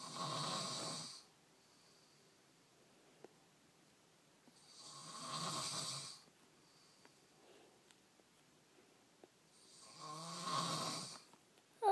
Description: my mom is snoring that I was awake all night!